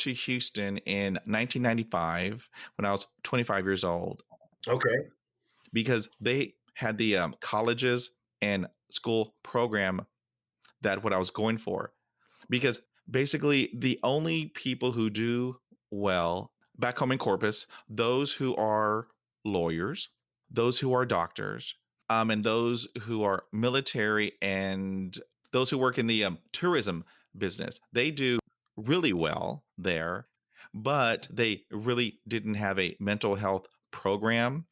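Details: Stuttering in an adult male who has stuttered for 43 years, with the letter s his greatest difficulty, real speech.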